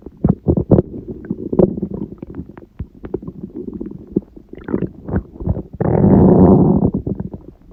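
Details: Irregular gurgles, pops and rumbles ending in a longer low growl, recorded at 1:30 am on waking, six hours after a large udon meal at 19:30; owner suspects gluten after a long break; borborygmi.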